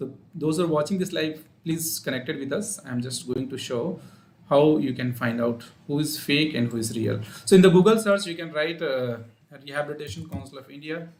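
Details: Adult male speaker; normal speech.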